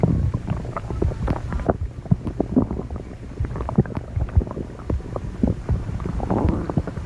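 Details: Low, irregular gurgling and rumbling with brief squelching pops throughout; stomach growling (borborygmi), ordinary gut sounds.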